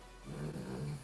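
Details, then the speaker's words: A brief, deep, rumbling snore from a sleeping puppy, lasting about a second: ordinary snoring. "the deepest snore I've ever... Oh my gosh, she's so funny."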